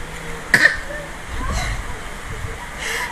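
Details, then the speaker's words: Baby girl gives one short, deliberate voluntary cough to get attention when ignored, not a sign of illness. "batuk Cari perhatian namanya kalau dicuekin gitu batuknya"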